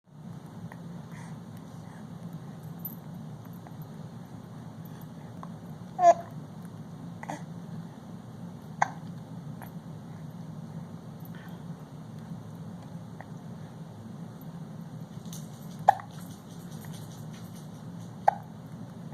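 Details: An almost 5-month-old baby hiccuping while sitting in a Bumbo seat: about five brief, sharp hiccups at uneven intervals over a steady background hum.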